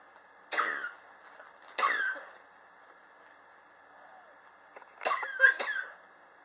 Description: My prolonged cough which started summer of 2016. I am still coughing and its already 2019. Please help me.